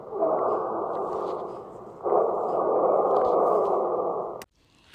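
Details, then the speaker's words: Lung auscultation demonstration: two breath phases with continuous high-pitched musical hiss, wheezes characteristic of asthma attacks, more common on inspiration (expiratory in children). "vamos a representação dos sibilos Lembrando que é uma característica das crises asmáticas os cibilos são mais comuns na inspiração"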